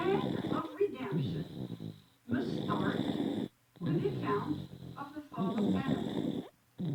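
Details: A very young baby snoring loudly while asleep in church, with music and a sermon in the background.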